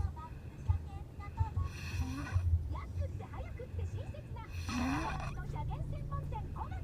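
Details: Person fast asleep in a car: low rumbling snores and snorts during sleep, with car interior noise in the background.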